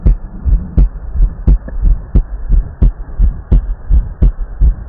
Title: Heart Auscultation